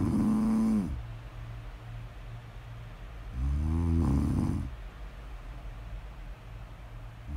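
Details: Snoring during sleep: deep, vibrating snores about 16 a minute with quiet gaps between breaths; ordinary snoring, snore ASMR audio.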